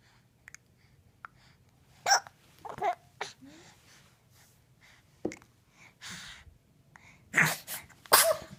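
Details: Baby with soft, brief hiccup catches, irregularly spaced, mixed with several sharper sneezes and quiet breathing; ordinary infant hiccups and sneezing.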